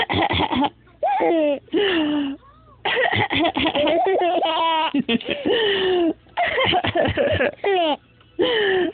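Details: Cough from an adult mother: short bursts of coughing alternate with an infant's high, bubbling laughter after each cough, in a small room.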